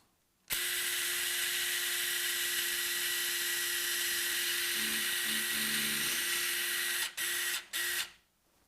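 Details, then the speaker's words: Powered cannulated drill during medial malleolus fracture fixation with a hook plate, drilling over a wire for a 4.0 cannulated screw after X-ray confirmation: a steady high-pitched whine, then short bursts. "x-ray is going to be performed make sure that it's in adequate position once adequate position we're going to use a canulated drill"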